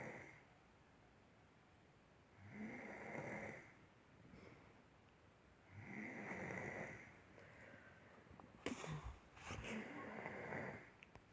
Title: 4-15-16 snoring(2)